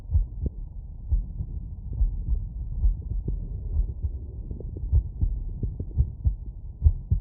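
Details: Normal heart sounds after exercise.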